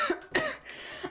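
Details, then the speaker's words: Adult clearing material from the lungs during a live stream, says it sounds dry but is not: two or three short, sharp coughs in quick succession; productive cough. "I have stuff that I have to cough up for my lungs and if it's a big one it's really hard not to choke so that's what's happening"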